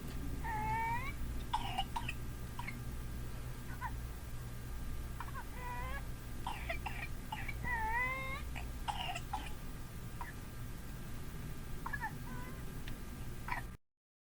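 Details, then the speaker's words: Classic whooping cough of pertussis: rapid runs of short coughs with high-pitched, drawn-in whooping breaths between them, over a low steady hum. "here's a video showing the classic whooping cough that comes with pertussis"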